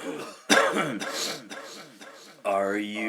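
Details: Adult man gives a sharp, deliberately acted cough with throat clearing, then a brief voiced sound; he claims it is allergies, not Covid-19.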